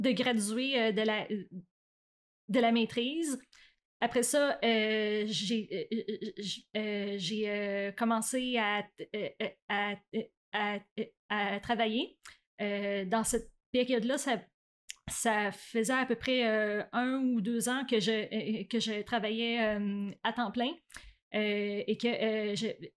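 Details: Adult woman who stutters; stuttering.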